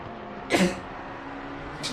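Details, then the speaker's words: Single sharp, voiced adult sneeze over a steady engine-like hum, during winter: sneeze. "I'm just sneezing in between up you guys can't hear that it's unfortunate man I really hate the winter"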